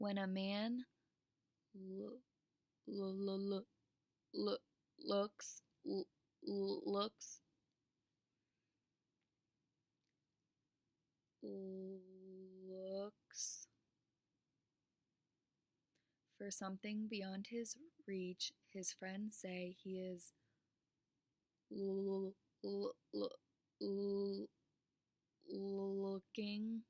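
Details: Adult speaker, imitating; stuttering with cancellation (imitated).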